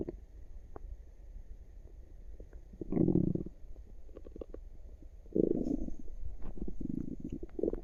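Low gurgling and rumbling bursts from the belly against quiet background: active bowel sounds, a normal sign of digestion.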